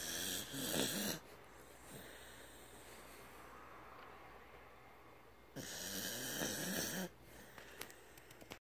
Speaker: here we go. I'm trying to capture snoring very loudly.